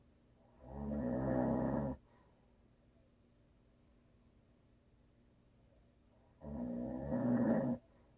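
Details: A husband who is a habitual snorer, asleep: two long, rough, rattling snores with quiet gaps between them.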